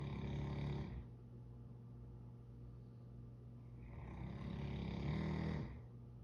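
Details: Sleeping dog snoring loudly: slow, low rumbling snores rising and falling with each breath; ordinary snoring.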